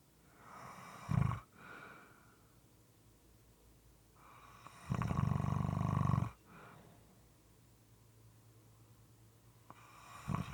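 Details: Low, moist, rattling snores at uneven intervals, with quiet breaths between them; moist, sometimes irregular snoring.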